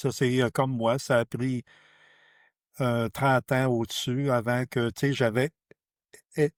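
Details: Adult who stutters, speaking French; stuttering.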